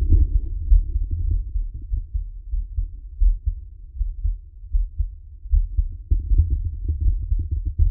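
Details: Close-miked ASMR recording of a man's own heartbeat: soft, muffled low thumps in a steady rhythm; an ordinary, normal heartbeat.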